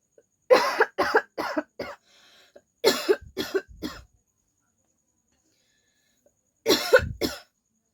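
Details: A female deliberately recording real coughing in a quiet room: two bursts of four harsh coughs each, then a short pair after a pause; cough.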